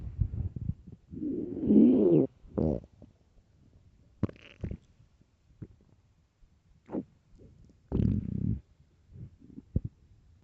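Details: Extremely loud, deep stomach growls from an empty stomach: gurgling growls and short bubbling bursts; borborygmi.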